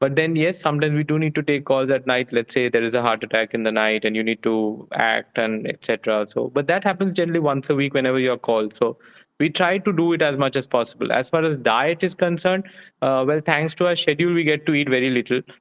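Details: Adult man speaking; fluent speech.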